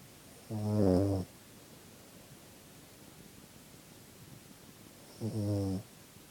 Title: Snoring sleepy puppy